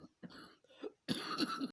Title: another day another cough